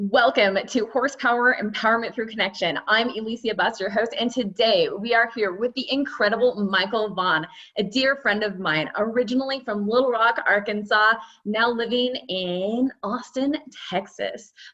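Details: Adult woman, host; typical speech.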